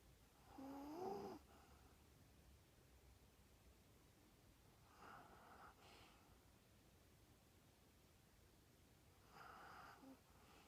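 Quiet, soft snoring breaths from a small sleeping dog, a few spaced snores against faint room noise.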